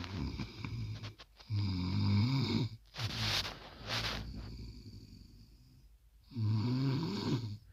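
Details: Snoring during sleep: deep, rattling snores on each in-breath, with a hissing out-breath between them.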